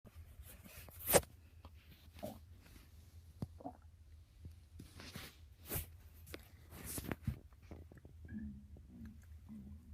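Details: Person whose stomach is growling early: quiet recording with scattered soft pops and clicks, then low bubbling gurgles near the end, normal bowel sounds (borborygmi).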